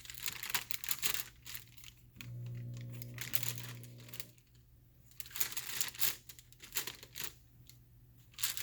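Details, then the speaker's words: Crisp crinkling and rustling of a sterile glove pack paper wrapper being unfolded, with brief low room hum, before sterile gloving during a sterile wound dressing change demonstration. "all right let's do our sterile gloves now you'll all remember how to put on steroids you're professionals at it"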